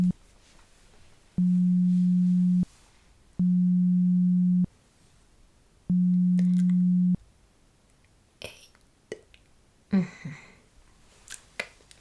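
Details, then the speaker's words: Simulated pure-tone audiometry beeps in an ASMR ear-exam roleplay hearing test, beep-counting task: three steady low beeps about a second each, then soft handling and tapping sounds. "Okay, now please count the amount of beep sounds that you hear."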